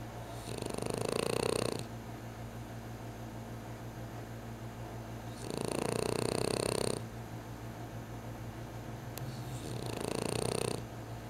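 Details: A sleeper in a deep snooze on a Saturday afternoon, snoring: three slow, rattling snore breaths about 4 to 5 seconds apart, roughly 13 a minute, with quiet hum between.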